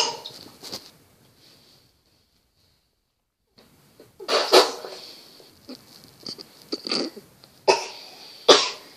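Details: Acted imitation by a three-year-old boy of his father's sneeze: several sharp, explosive bursts, one after a short silence, mimicking the build-up and explosion; simulated sneezing, not real.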